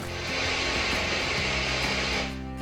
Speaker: Some experience a high-pitched ringing sound, something like this, while others hear ocean sounds like